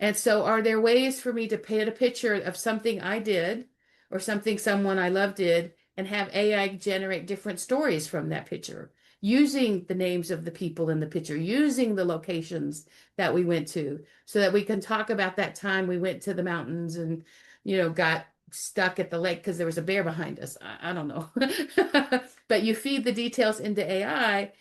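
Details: Adult woman speaking; typical adult speech.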